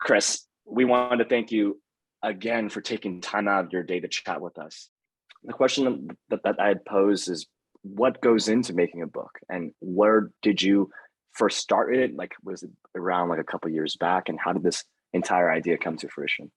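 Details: Adult male speaker; normal speech.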